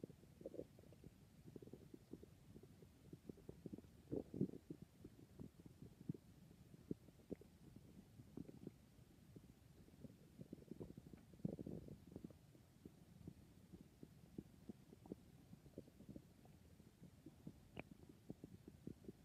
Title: My stomach is noises